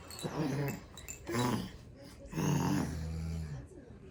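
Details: A baby imitates his sleeping older sister's snoring, making a few short, throaty snoring-like sounds; this is imitated snoring, not true snoring.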